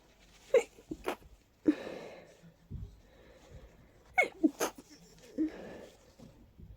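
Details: Powerful, stuffy, stifled sneezing fit with sharp bursts and short gasps between sneezes, in a person whose allergies are flaring in full bloom after being congested all day.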